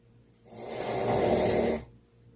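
A single long, rough, rattling breath in through the nose and throat, rising and falling over about a second and a half: a snore.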